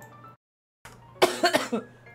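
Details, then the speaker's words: Cough from a woman who reports coughing so hard at work that she tasted blood in her throat: after a brief pause, three or four quick, harsh coughs in a row, with faint background music. "아니 지금 회사에서 기침을 막 목에 막 피날 정 피맛이 느껴질 정도로 기침을 하는 거야"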